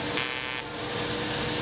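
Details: Lumenis UltraPulse fractional CO2 laser handpiece firing, a steady high buzzing hiss with a brief pitch change, during resurfacing of sun-damaged wrinkles on the chest and abdomen of a 35-year-old female patient, at lowered settings for the body.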